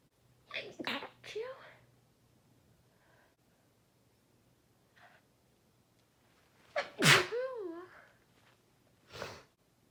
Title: Loud sneezes